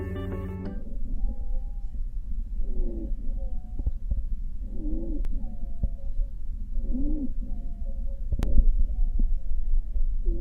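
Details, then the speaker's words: Wheezes: continuous, high-pitched musical breath sounds. "Sibilancias. Sonidos musicales continuos de alta tonalidad."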